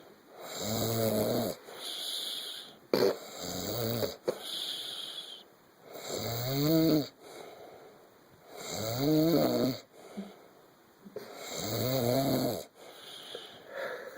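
Loud, rattling snores with a whistling, tonal edge, about 22 a minute, with quieter breaths between.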